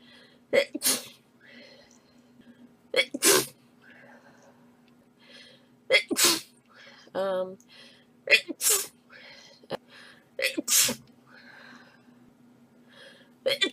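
Six forceful sneezes, each with a quick breath in before the burst, with faint voices between. Repeated sneezing.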